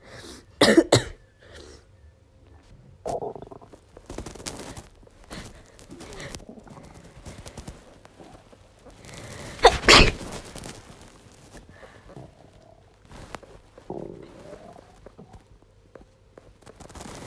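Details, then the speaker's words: Female with a miserable head cold, heavy congestion, constant coughing and a failing voice: two forceful sneezes, each with a sharp intake and explosive release, amid sniffs and throat noises. "sneeze no matter how much i look at the lights or anything so i probably have to make myself sneeze because i feel like i need to"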